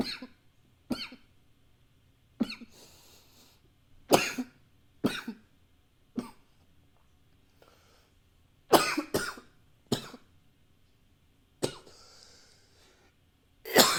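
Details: About ten sharp, separate coughs over fourteen seconds, some followed by brief airy blowing, in a quiet room, recorded with a high-fidelity microphone; cough.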